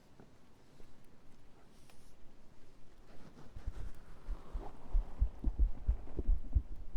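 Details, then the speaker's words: ASMR recording of the streamer's own heartbeat, in a quiet room; normal heart sounds. "Okay, I think it's time for heartbeat. It's quiet."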